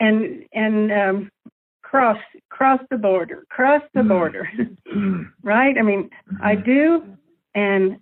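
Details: Adult woman with aphasia after a stroke that also caused paralysis; aphasia.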